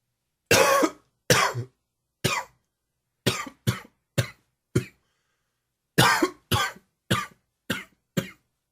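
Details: Allergy-related cough, dry and wheezy: twelve short dry coughs in two bursts, with little or no phlegm.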